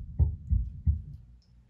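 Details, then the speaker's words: Normal infant heartbeat from an electronic neonatal simulator, heard through a stethoscope: rapid, regular low thumps at roughly 170–180 beats a minute. "a lot of times when i'm listening to patients i close my eyes just like you're praying and when i close my eyes it helps me to concentrate on the sounds better so this is a normal heartbeat for a baby"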